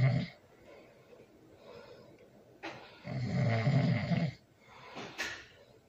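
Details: Loud snoring during sleep, with a baby nearby: low, rough snores with a long, loud rattling breath in the middle, against faint room noise.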